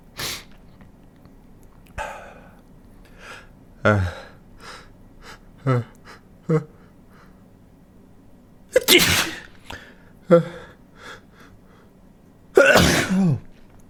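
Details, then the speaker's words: Deliberately induced sneezing by tickling the nostril with a stiff paper or cardboard tag: several sharp explosive sneezes with softer sniffs and breaths between them, in a quiet room. "I'm just inducing still the little uh kind of like a plastic uh clo tag kind of thing except it's it's more like cardboard or paper stiff paper it works pretty well"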